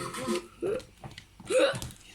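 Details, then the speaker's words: Simulated hiccups by a puppet character in a comedy skit: abrupt voiced 'hic' sounds with short catching breaths between them. "Why? I don't know. Sounds like you've got the hiccups."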